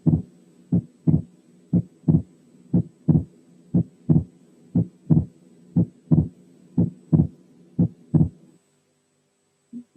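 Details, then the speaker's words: Wide fixed splitting of the second heart sound, same width in inspiration and expiration, as in atrial septal defect; regular rhythm near 59/min; breath sounds removed by filters; teaching recording. "في احوال تانية بنسمع الوايد سبليتنج بنفس المقدار سواء في الانسبيريشن او في الاكسبيريشن، يعني فيكسد سبليتنج زي المثال اللي جاي، برضو شايلين تنفس عن طريق فلترز."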